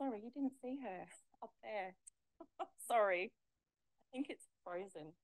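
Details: Adult woman speaking; ordinary speech.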